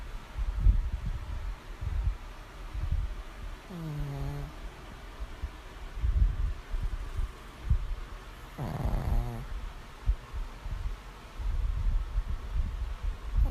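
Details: Sleeping animal snoring: low rumbling background with two short, droning snores.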